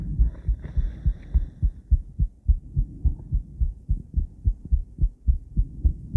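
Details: Female adult heart recorded by cardiac ultrasound combined with ECG: regular, deep whooshing thumps at about 105 a minute, faint electronic tones early; heartbeat heard through the ultrasound probe.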